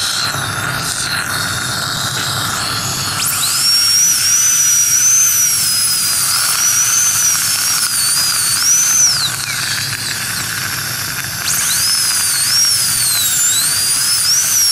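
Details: Shrill, wavering high-speed dental drill whine with airy hiss, rising and falling as it cuts tooth, during crown preparation using a gum protector for aesthetic restoration.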